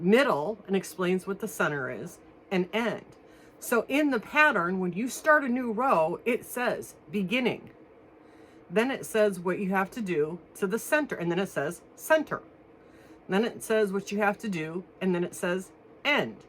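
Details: Adult woman one week after anterior cervical fusion of C5–C7 with metal and screws, throat still swollen internally, not yet eating solid foods; dysphonia after anterior cervical spine surgery.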